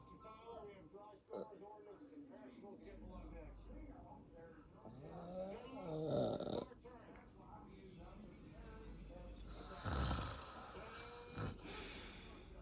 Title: FILMING MY DAD SNORING AND CROAKING * I GOT BUSTED PART 1 *